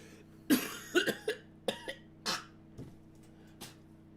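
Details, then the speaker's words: Burst of about seven dry, harsh coughs with some throat clearing in a quiet room; the speaker says the cough and throat are really bothering them and is pretty sure it is a cold. "no my my coughing and my throat it's really really bothering me today so I think I'm pretty sure I have a cold"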